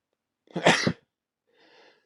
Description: Here is some sneezing over the past few weeks